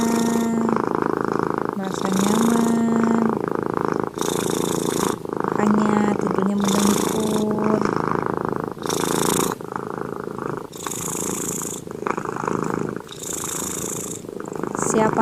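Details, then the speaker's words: Continuous low rumbling purr from a cat sleeping comfortably beside its owner after a bath, rising and falling with each breath, under soft background music; purring as a sign of contentment. "Jangan kaget ya kalau kucing kita mendengkur itu tandanya kucingnya nyaman berada di dekat kita"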